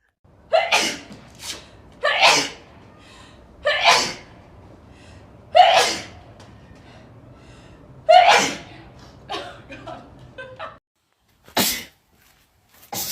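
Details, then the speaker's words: Adult who is sick, run down and has a high fever: a rapid run of about six sharp sneezes with quick gasping breaths between them, repeated sneezing. "Don't record me sneezing. I hate sneezing. Oh, me. Sneezing disorders hurt."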